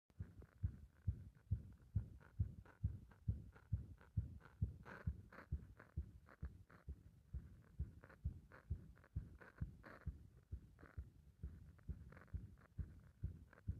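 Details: Heart described as compressed and stumbling: fast heartbeat near 130 a minute with uneven spacing and occasional stumbling or skipped beats; irregular heartbeat.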